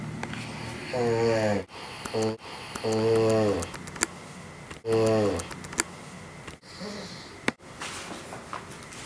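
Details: Adult male friend asleep at 6:45 am, snoring loudly enough to keep someone awake: about three loud buzzing snores in a quiet room, with scattered clicks and rustling. Snoring.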